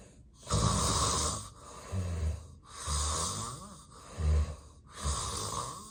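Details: Real, unplanned daytime nap of a person with sleep apnea and daytime sleepiness: loud, rough, rattling snores alternating with heavy noisy breaths in a steady rhythm; obstructive sleep apnea snoring.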